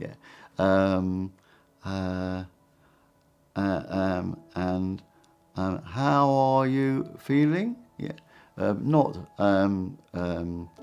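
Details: Person with aphasia after a stroke; aphasia.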